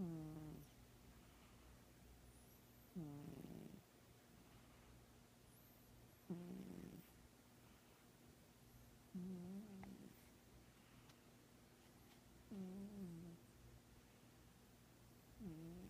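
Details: Female Manx cat with feline herpes (slightly watery left eye) snoring in very deep sleep: soft, regular snores, about 20 breaths a minute, with faint room hum.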